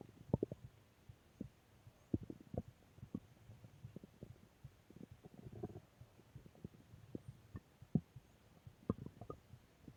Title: Stomach Growl Audio 4